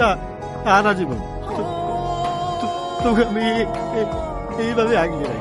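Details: Acted stuttering in a Bangla drama scene, presumably performed by a young man playing a stutterer.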